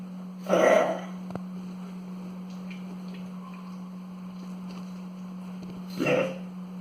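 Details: 8-month-old male pug with new cough since last night, eating and drinking normally, nose not wet: two short, harsh cough-like bursts several seconds apart over a steady background hum.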